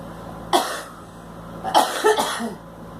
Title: Girl licks cigarette and coughing